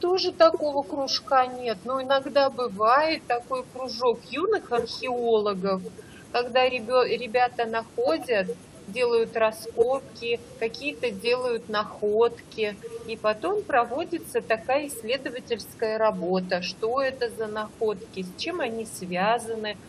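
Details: Adult woman speaking Russian; Normal fluent speech.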